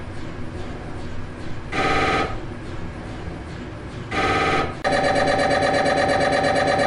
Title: MRI Sounds